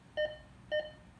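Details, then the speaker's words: Philips patient monitor with QRS volume raised to seven, as doctors prefer during procedures: two short clear electronic beeps about half a second apart, one heartbeat tone per detected beat. "so when there's a procedure going on the doctors like for a QRS to be set so you click this QRS volume and you would raise it up to seven"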